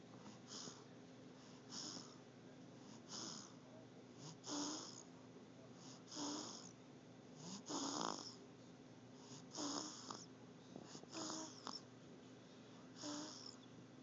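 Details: Infant aged 1½ months snoring lightly, with soft snuffly noises on the breaths about every 1.5 seconds and faint room noise behind.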